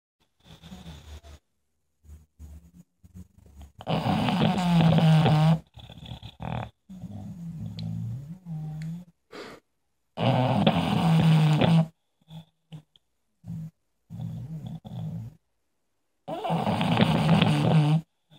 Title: Goldy snoring